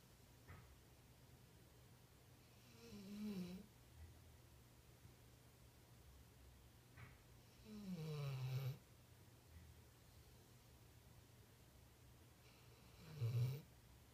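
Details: Snoring in a sleeping female ("little girl"): three low, droning snores about five seconds apart, with soft breathing between them in a quiet room.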